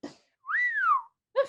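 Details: Person with Tourette syndrome: a single sudden rising-then-falling whistle, about half a second long, between fragments of speech; whistling vocal tic.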